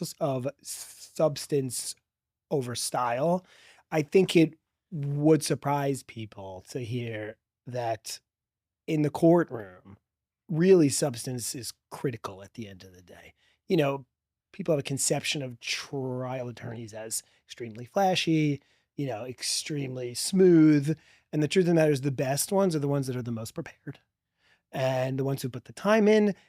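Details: Adult man who has stuttered since childhood and describes a strong stutter with blocks; finding: stuttering.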